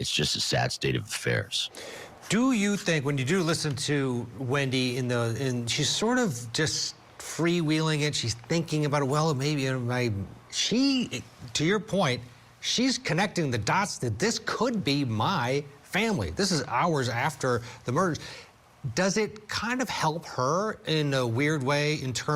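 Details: Adult male speaker; normal voice.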